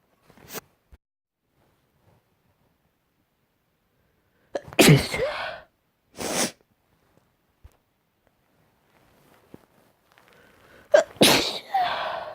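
Three sharp sneezes, each a quick intake then an explosive burst, in a quiet room.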